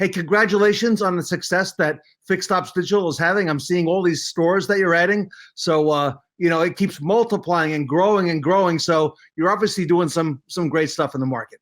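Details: Adult male speaker; normal speech.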